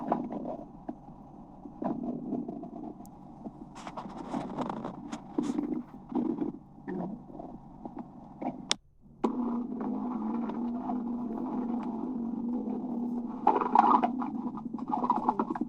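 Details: Ongoing gurgling and low rumbling heard while listening to an abdomen, the ordinary sound of a stomach rumbling; bowel sounds (borborygmi).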